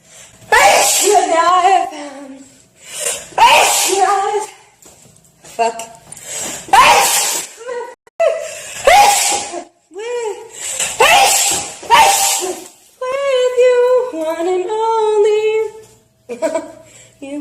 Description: Girl has sneezing fit while singing. Funny.😂